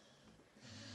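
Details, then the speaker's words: A dog snores while fast asleep in the background as a story is read aloud. "Can you hear my dog snoring in the background? He's fast asleep snoring."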